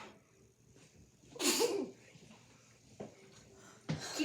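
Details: During a Sprite challenge, trying to drink the fizzy drink without burping; one sharp, explosive sneeze burst, then quieter breathy sounds in a quiet room; a sneeze.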